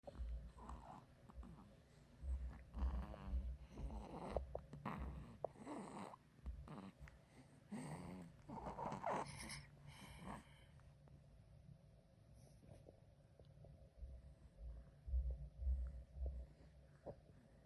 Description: BabyGirl Sleeping and Snoring